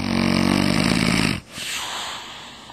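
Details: Mother snoring after falling asleep seconds after being talked to: one loud, buzzing snore on an in-breath, then a softer rushing out-breath; snoring during sleep.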